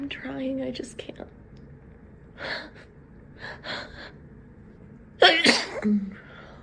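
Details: Person talking and repeatedly apologizing while trying to hold back sneezes: soft catching breaths and stifled sneezes, then one forceful sneeze, with short murmured speech; sneezing.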